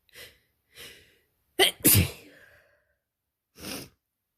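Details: Allergic sneezing fit: several sharp sneezes in quick succession with breathy intakes between them, recorded in real time in spring after a window was left open for hours.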